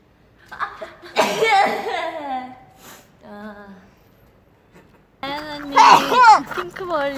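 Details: Sneezing by members of a K-pop girl group during a filmed group session: several sudden bursts of sneezing mixed with laughter and chatter in a room.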